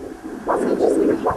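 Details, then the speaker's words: Doppler ultrasound of a clear, smooth carotid artery: pulsing whooshing sound of blood surging through the artery with each heartbeat, normal carotid flow. "so that's the sound of the blood moving through that artery each time your heart beats it's pushing blood up through that artery and that's what makes it so that you can hear that kind of a sound"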